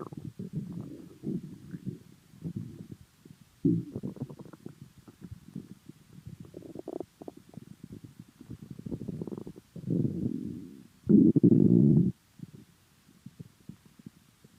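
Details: Low gurgling and rumbling abdominal noises with intermittent louder squelching bursts; unclear whether the stomach was full or hungry: bowel sounds (borborygmi).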